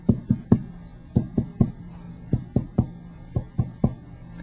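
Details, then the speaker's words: Supine patient with increased AP chest diameter as in emphysema, PMI not palpable; percussion at the fourth intercostal space from the anterior axillary line, taps in groups of three shifting from resonant lung to cardiac dullness at the left heart border. "begin percussing from about the anterior axillary line and move immediately to hear the resonance of the lung change to dullness do you notice the change at that point"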